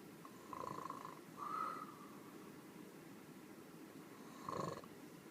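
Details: Soft, buzzing snores with a faint whistle, heard two or three times over steady background hiss; sleep snoring.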